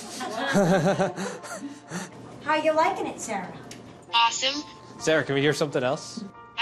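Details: Adult woman speaking, with a brief second voice replying; typical speech.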